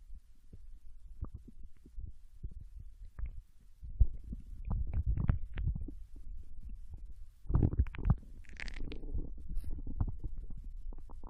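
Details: Ordinary bowel sounds during digestion of ramen and potato chips in a Japanese girl: irregular low gurgles and rumbles with occasional bubbling bursts.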